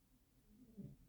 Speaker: So, you can hear my dog snoring in the background.